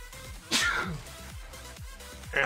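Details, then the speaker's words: Adult sneezing during a morning live stream: a single sharp sneeze over steady background music; sneeze. "is kicking in because you can hear me sneezing so my afferent is kicking up kicking in"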